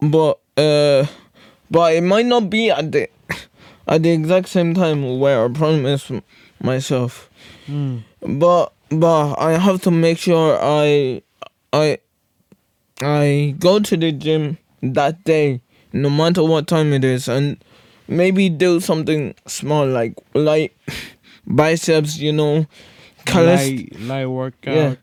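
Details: Male co-host with cerebral palsy; speech impairment and stuttering improved with speech therapy but persist; stuttering with speech impairment in cerebral palsy.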